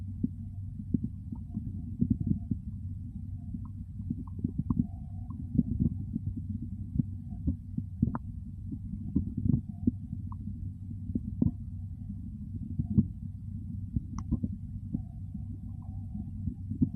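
Low rumbling gurgles over a steady low hum with soft thumps; normal hunger stomach growling.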